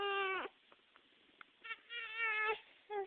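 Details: Infant upset by hiccups while trying to sleep gives three sustained, tonal, wailing cry bursts separated by short pauses; infant crying.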